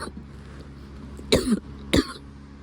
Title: Coughing again